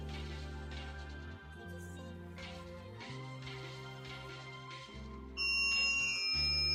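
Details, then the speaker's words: An Oticon Chili hearing aid at volume setting three, held in the hand on high gain rather than worn: a short electronic start-up tune, then a loud, steady high-pitched feedback whistle that never stops. "И, как видите, от свиста никуда не деться. Устройство постоянно свистит."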